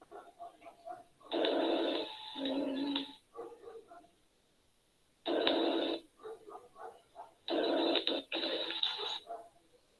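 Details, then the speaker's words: Rhonchi played in a nursing class: coarse, rumbling continuous sounds during breaths, from mucus in the larger airways. "bueno y el sonido ronco"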